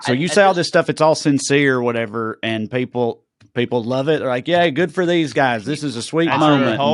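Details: Adult man; typical speech.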